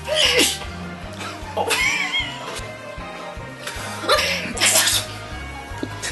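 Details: Playful imitated sneezes of different types (tiny alien, pretty girl, constipated) by two people over background music: several loud, sharp bursts with voiced onsets; simulated sneezing.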